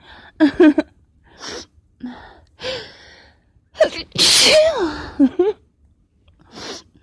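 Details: Quick catching in-breaths, then one loud explosive sneeze with a short trailing voice, while the sneezer tries to stifle or half-stifle sneezes; gasping before sneezing.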